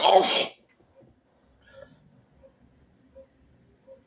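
One sharp, wet sneeze at the start, then quiet room sounds with faint sniffing.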